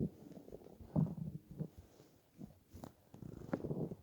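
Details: Low gurgling rumbles in irregular bursts from the belly of a person lying on a bed after about 28–30 hours of fasting to lose weight: hunger stomach growling.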